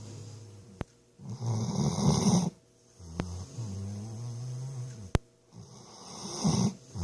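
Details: Snoring.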